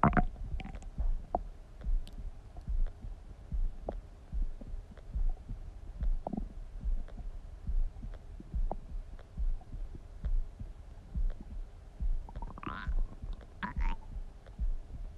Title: Stomach Sound ASMR | My Stomach Makes Noises